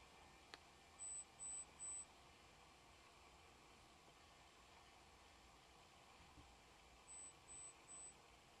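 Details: Two sets of three brief high-pitched beeps over a steady hiss; pure-tone hearing test signals.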